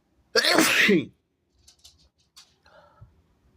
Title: i need to let them out! big sneezes pt. 1 (he/they)